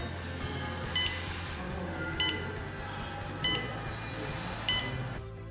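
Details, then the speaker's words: Fingertip pulse oximeter's over-limit alarm: regular high-pitched beeps, about four in five seconds, over steady background noise and music; product demonstration of the alarm function. "the optimator has an over standard alarm function like this"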